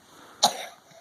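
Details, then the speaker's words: A child with allergic nasal congestion and mouth breathing coughs once, short and sharp with a breathy tail; the cough worsened after eating potato chips, with crying through the day. "因为昨天吃了一个 potato chips， 所以让他咳嗽增加，再加上他的过敏鼻塞，用嘴巴呼吸，所以呢就更难过了。"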